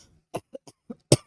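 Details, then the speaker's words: Run of five short, dry coughs in quick succession, the last one loudest, from an ill woman taking prescribed cough medicine. A listener doubts it and suspects the cough is put on. "Did that sound like a put-on cough to you? Because it did to me."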